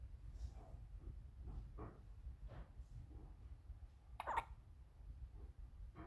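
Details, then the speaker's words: 2-week-old baby girl settling to sleep: soft, repeated short hiccup sounds over a steady low room rumble; newborn hiccups. "She's gonna sleep. Don't worry. Let her get over the hiccups."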